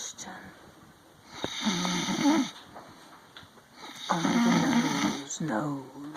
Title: Sweet Sister Snores